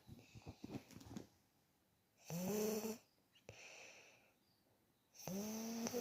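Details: A sleeping child snores loudly on each in-breath with a buzzing, whistly tone and quieter out-breaths between; ordinary snoring during deep sleep.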